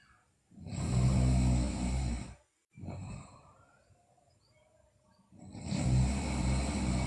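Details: Sleeping girl snoring: two long, loud, rumbling snores with a quiet breath between them; snoring during sleep.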